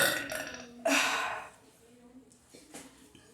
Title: ARROTO - DRINKING AND BURPS